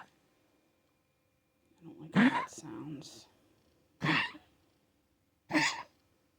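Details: A pet, about to be seen by a vet, gives three short, harsh coughing bursts, the first preceded by a longer rough, gasping breath; cough.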